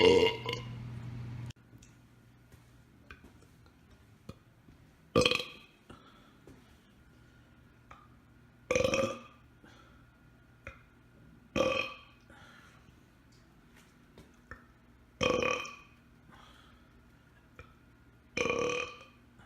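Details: Voluntary burping on command: six short, throaty burps at regular intervals in a quiet room; belching.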